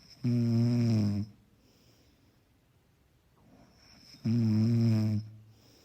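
Two smooth, buzzing inbreaths about four seconds apart with quiet breathing between: soft, steady snoring.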